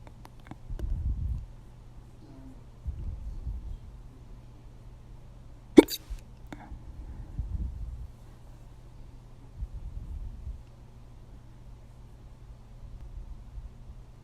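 Short low bursts recurring every few seconds over a quiet steady hum, one sharp click among them; hiccups.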